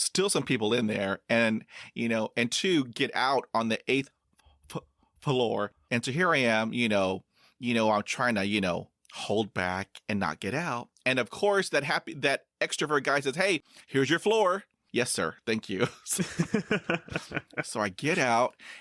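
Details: 22-year-old man who has stuttered his whole life and reports recently gaining confidence and acceptance in college; real conversational speech showing stuttering.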